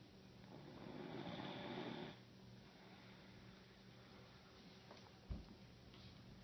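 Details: Snoring: a low rattling snore lasting about two seconds, then quieter steady breathing with a brief thump near the end.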